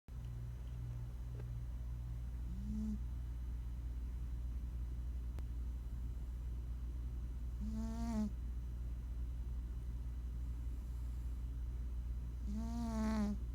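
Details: Soft, squeaky nasal snores every few seconds from Duke, a sleeping cat, over a steady background hum; ordinary sleep snoring.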